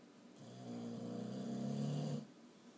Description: Boxer pup snoring